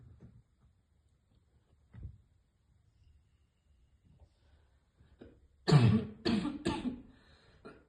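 Faint breathing and a small throat sound, then a burst of three hard, harsh coughs after choking on vapour.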